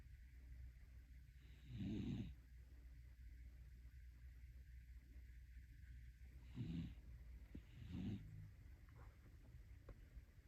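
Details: Tired dog asleep after a long rainy walk and a shower, snoring.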